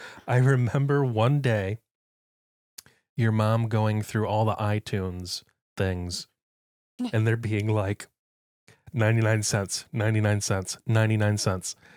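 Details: Adult speaker; ordinary speech.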